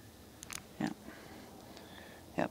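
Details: Elderly father with dementia; moaning.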